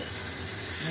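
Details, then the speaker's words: Dental air syringe at a dental clinic, used after blue-light curing during a tooth filling: a brief steady hiss of air blown to dry the tooth. "এবার একটু বাতাস দিয়ে আলাদা পেট দিচ্ছি"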